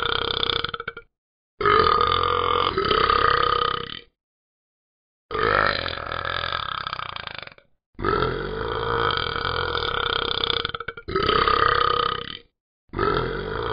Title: Talking Ben Burps Repeatedly